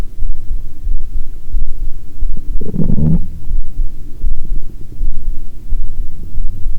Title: Heartbeat w/ Unintentional Stomach Growling